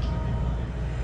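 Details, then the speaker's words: Fetal heartbeat on ultrasound, rapid rhythmic low whooshing at a rate of about 152–160 beats per minute, described as a great, healthy heartbeat. "What's the heart rate on the baby? 152. But this baby just has a great heartbeat."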